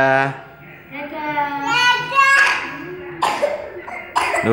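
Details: A young child's cough, with a few short cough bursts mixed into vocal sounds, while being given cough medicine.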